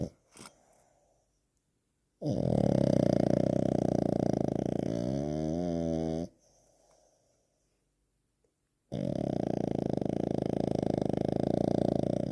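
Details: Sleeping pug/French bulldog mix (frug) snoring: loud, long, rumbling snores lasting several seconds each, with quiet snuffly breaths between.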